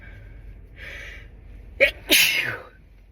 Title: Stifling my sneezes without using my hands…and upper body reveal?